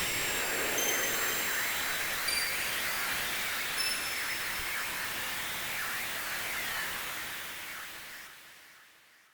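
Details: Simulation of one sufferer's own tinnitus: a steady high hiss with faint, brief high-pitched tones.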